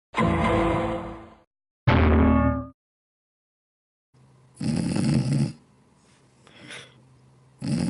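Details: Animation of a dog snoring and annoying his cat partner: two loud, rough, rumbling snore-like noises, then quieter breathy bursts after a pause; exaggerated comic imitation of snoring.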